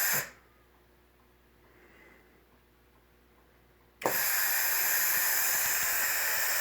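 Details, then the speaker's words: Homemade ventilator prototype with a face mask, revision 2, switched on: a short hiss, a pause, then a loud steady rush of air as the valve starts cycling; the mask leaks air around the nose bridge. "so with that explained I'm gonna go ahead and turn this on and you can see how it operates program starts up and the valve starts cycling"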